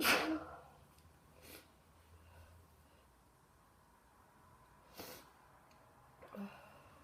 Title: Morning cold sneezes (f)